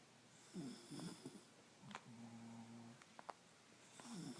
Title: A dog snoring and snorting